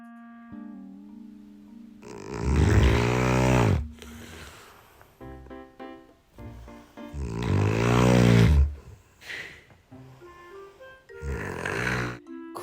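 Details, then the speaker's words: Woman's heavy snoring before CPAP treatment, later attributed to severe sleep apnea: three loud, rough, rattling snores about every five seconds over soft background music. "これ私のイびきやね。家族からみんなからやばいって聞いてたんやけどマジやばすぎるよな。"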